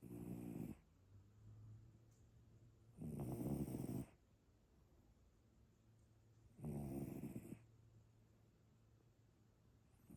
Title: snoring cat - volume up